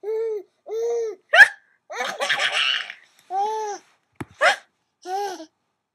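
Two sharp, abrupt hiccup sounds amid high-pitched laughing and vocal sounds; the sudden catches fit hiccups.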